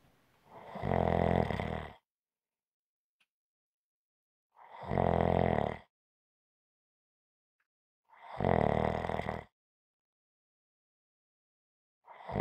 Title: ASMR Snoring Sounds - Relax with me